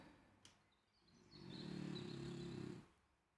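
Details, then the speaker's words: Single soft, low rumbling snore from a sleeping female dog during a live coding session, faint in room noise; dog snoring. "you can hear my dog she loves the snore during these live coding sessions"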